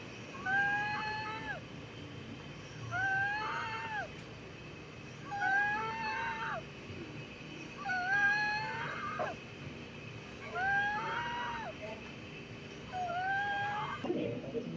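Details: Wheezing heard in the lungs of an adult male COPD patient with acute exacerbation during repeated deep breaths in and out; a musical whistling wheeze from narrowed airways.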